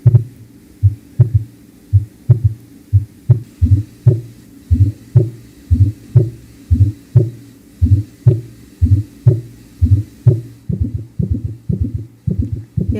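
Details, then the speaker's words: Third heart sound presented in a cardiovascular lecture as pathological, though it may or may not be: regular beats about 60 a minute with a soft low thud after the second sound, a galloping S3 rhythm. "eu tenho aqui um vídeo desses ruídos que são patológicos quando tem um terceiro ruído"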